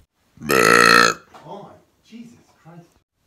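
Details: Burp compilation: a single loud, resonant belch lasting under a second, followed by a few faint voiced sounds.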